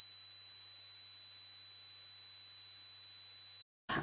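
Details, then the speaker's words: Simulated tinnitus ringing in a person with two years of pulsatile tinnitus; the ringing is not heard consistently. A steady high-pitched electronic tone lasts about 3.5 seconds. "I don't hear the ringing noise consistently I'm gonna try to put in the sound of what the ringing noise is"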